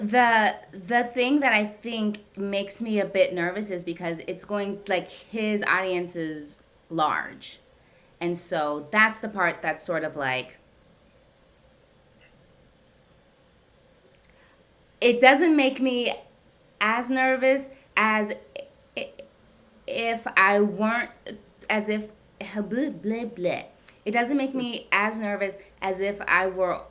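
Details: Adult woman who stutters, with usually silent blocks, in ongoing therapy with a speech pathologist; word repetitions; stuttering.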